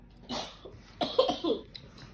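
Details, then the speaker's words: A girl who says she still has a cough, coughing while doing gymnastics at home: a cluster of about three to four short, harsh cough bursts. "um so i'm just gonna do gymnastics don't do too hard because you're it might start coughing i know but it's fine i only i still have a cough guys"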